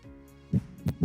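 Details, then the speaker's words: Normal heart sounds heard at Erb's point, the central landmark for listening to the bicuspid and tricuspid valves, on a virtual reality nursing simulation patient with no chest pain. "so herbs point is kind of like your centralized location where it's good to listen to the bicus and the trius valve"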